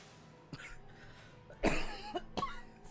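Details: Adult streamer with a still-scratchy voice, recovering from illness: one strong, harsh cough with a few softer throat-clearing bursts over quiet background music; cough.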